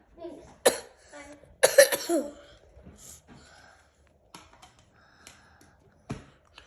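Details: Children with a cough, being given a homemade ginger and honey remedy: several short, sharp, dry coughs and a brief throat-clearing, separated by quiet pauses with faint room noise.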